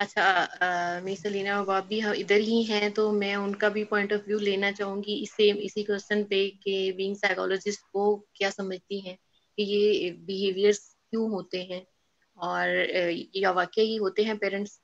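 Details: Adult woman speaking; fluent speech.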